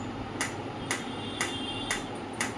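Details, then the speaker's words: Biotronix PEMF loop device in MF multiple-frequency mode, switching between frequencies starting at 2 Hz: regular sharp clicks about twice a second. "You can see this is multiple frequency. So it will keep on switching between all those frequency. So these are the pulse electromagnetic frequency and MF means multiple frequency."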